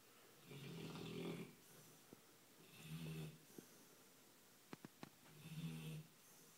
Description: Harley, my 12 month old Labrador, has some serious snoring issues. This was a mild session with his tongue out.